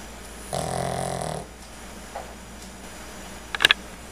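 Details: A pet dog sleeping and dreaming: one buzzing snore of about a second, then quiet breathing and a brief rustle; snoring.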